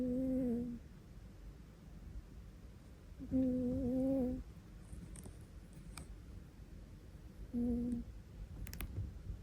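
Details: Soft, humming, tonal snores from a sleeping pet cat, about one every four seconds, over quiet room noise; snoring.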